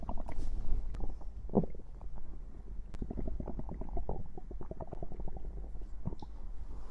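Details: Stomach growling after drinking cider: low, bubbling, gurgling rumbles with irregular pops; ordinary borborygmi.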